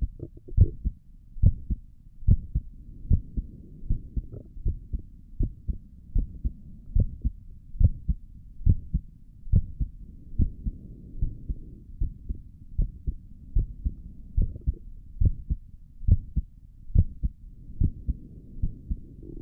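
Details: ASMR recording of the creator's own heartbeat through a stethoscope on the chest; steady, soft, low thumping at about 70 beats a minute, regular rhythm; stomach gurgles occur during the recording; normal heart sounds.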